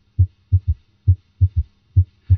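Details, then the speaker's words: Third heart sound (S3) heard with the stethoscope bell placed lightly at the apex, patient in left lateral decubitus: low-pitched heartbeat about 67 a minute with an extra dull sound after S2, which disappears under firm bell pressure. "notice how the third heart sound disappears when the Bell is placed more firmly on the chest wall"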